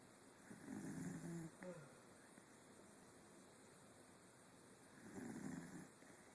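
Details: Two low, rumbling snores on breathing in, separated by quiet pauses, over steady background hum: snoring.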